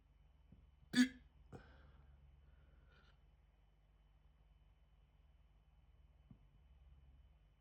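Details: Hiccups starting almost immediately after eating a chicken tikka jalfrezi curry, audio only: a few abrupt, sharp gulping sounds with a pause between them, in a quiet room.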